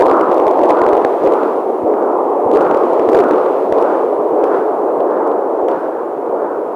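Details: Fetal heartbeat on a monitor: steady whooshing, rushing sound with rapid, soft rhythmic pulsing through the noise.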